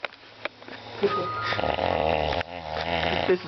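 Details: Man snoring late at night, massive snoring.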